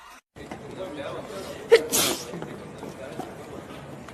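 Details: A single human sneeze: a short sharp intake followed by a forceful burst of air over low background chatter.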